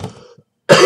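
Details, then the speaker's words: Short throat-clearing cough, then another harsh dry cough without phlegm rattle, during ongoing coughing fits for about an hour with a very sore throat despite tea and hot water; dry cough. "but yes um my throat is absolutely killing me i've been having dry coughing"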